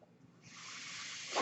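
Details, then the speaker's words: Man on a mechanical ventilator recording a podcast, with a steady, rising, airy hiss as the ventilator delivers a breath, ending in a brief louder rush; mechanical ventilator breath sounds. "My name is. That noise you're hearing is my ventilator."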